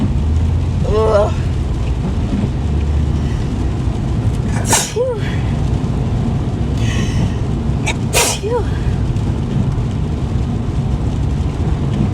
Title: Sneezing & Driving in the Rain (f)